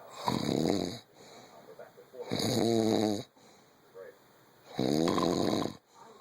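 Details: Three loud, rumbling snores about two seconds apart with quieter breathing between; typical snoring.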